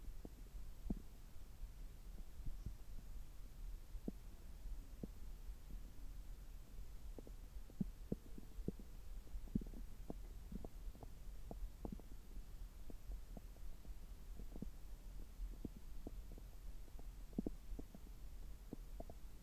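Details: Stethoscope recording over the abdomen about 3 hours after a meal, when the gut is active: frequent soft clicks and gurgles over a steady low hum, normal active bowel sounds.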